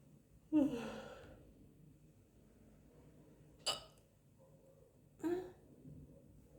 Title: Woman hiccups after lunch . #hiccups